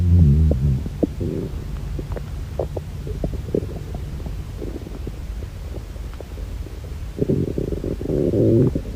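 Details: Borborygmi from a hungry girl: low gurgling rumbles and bubbling from the abdomen, loudest at the start and end; ordinary stomach growling from hunger.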